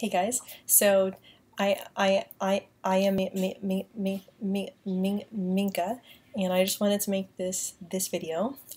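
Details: Woman who says she has a mild stutter and stutters less when using a British accent; stuttering.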